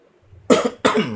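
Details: An adult presenter coughs during a live stream, clears the throat, says their voice is bothering them, then stops to drink.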